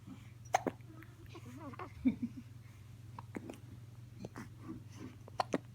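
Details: Hiccups: several short, abrupt gulping catches at irregular intervals over a steady low hum.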